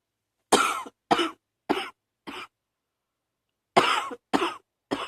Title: # 65 still coughing, allergies #2